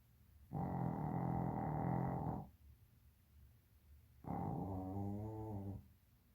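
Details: Dog snoring: two long, deep, rattling snores, each lasting over a second, separated by a quiet pause.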